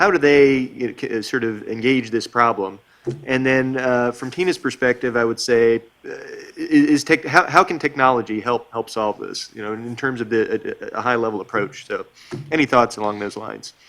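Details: Adult male speaker; Normal speech.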